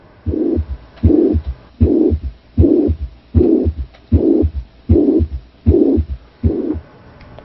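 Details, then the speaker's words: Regular heartbeat at about 78/min with a long, steady blowing murmur filling all of systole and blurring the heart sounds: holosystolic murmur of mitral regurgitation, the mitral valve failing to close so blood flows back into the left atrium. "so this is the failure of the mitral valve to close so blood regurgitates backwards the failure of the mitral valve to close so blood regurgitates backwards with the failure of the mitral valve close it back flow into the left atrium"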